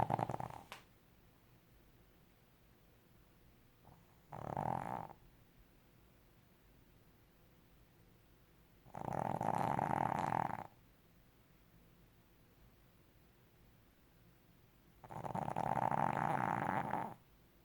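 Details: Brussels Griffon dog sleeping: three loud, rough snoring breaths spaced several seconds apart, with quiet between them; ordinary snoring during sleep.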